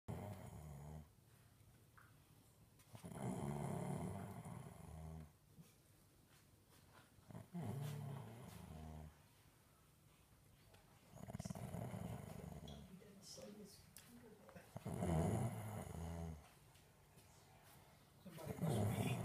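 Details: Sleeping dog snoring: low, rumbling snores with each breath, about 17 a minute, in a quiet room.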